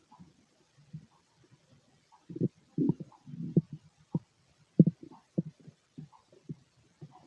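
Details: Male stomach growling during digestion: irregular gurgles, squelches and short low rumbles in a quiet room.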